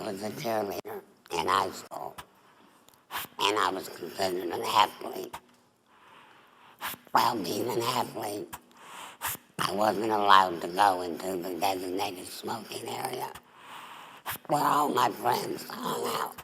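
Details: Adult female former smoker with squamous cell cancer of the mouth, then the larynx; voice box removed, neck stoma, speaks via voice prosthesis through the esophageal wall; tracheoesophageal speech after total laryngectomy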